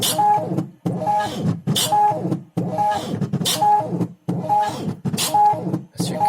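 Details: Untested, uncertified open-source emergency ventilator for COVID-19, a motor-driven belt compressing a BVM (Ambu) bag: rhythmic whirring motor cycles with a squeak at each stroke, about 35 per minute.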